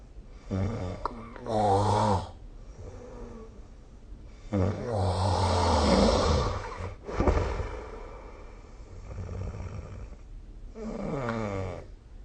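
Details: Loud, rough, rattling snores on the in-breath, with quieter breathing between them; snoring during sleep, recorded with the SnoreLab phone app.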